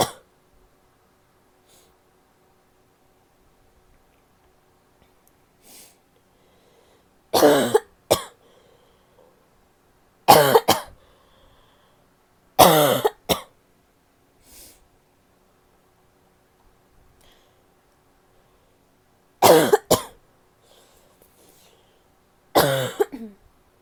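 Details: Adult woman giving five harsh, barky coughs, each a sharp burst with a brief rasping tail.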